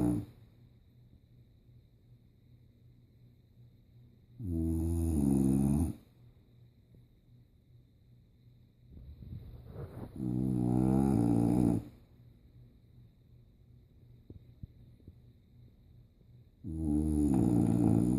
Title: English bulldog snoring